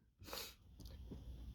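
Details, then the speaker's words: Male with dust allergies flaring at a dusty workplace, nose tickling; one sudden explosive sneeze followed by snuffly breathing noise. "that was a big one I think a big one hey that's you oh man oh this tickle just won't we'll go away"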